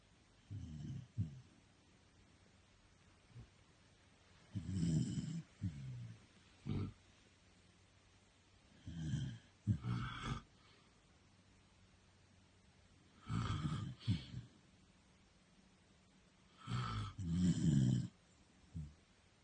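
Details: Sleeping dog: soft, low grunting snores in irregular bursts over a quiet background; snoring.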